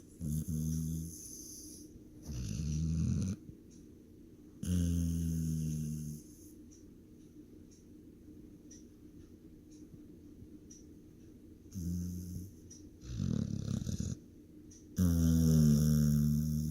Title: snoring